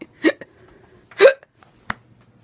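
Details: Female cosplayer acting as Castiel in a simulated scene: two abrupt, voiced gulping catches with faint room hum between, said to have started while eating a burger; acted hiccups.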